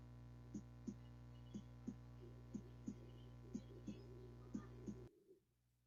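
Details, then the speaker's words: Normal heartbeat played in a class on cardiovascular disease: steady, rhythmic paired lub-dub beats at about 60 a minute over a low hum. "ya es el latido normal si ustedes se dan cuenta el latido es rítmico o sea sigue un ritmo bueno un pum pum pum pum pum pum"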